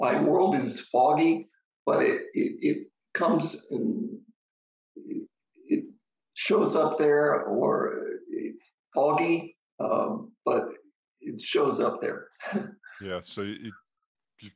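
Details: Adult man, stroke survivor: ischemic stroke treated with TPA, which then caused a hemorrhagic stroke; struggles to get through a sentence; aphasia with brain fog.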